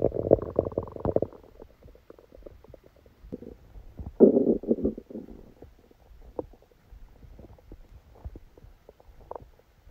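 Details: Bursts of gurgling and rumbling with quieter clicks and bubbling between: active bowel sounds (borborygmi) during a stomachache after Christmas dinner, recorded while the person was sleeping.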